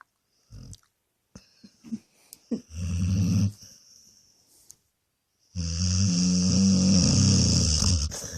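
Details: Dog asleep and sprawled on the bed, snoring and farting: loud, low rumbling snores with a few short snorts and pauses.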